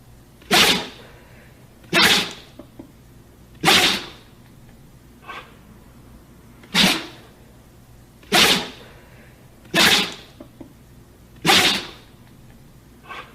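Eight sharp, explosive bursts of air about every one and a half seconds, with a few small snorts between them: a dog's repeated sneezes.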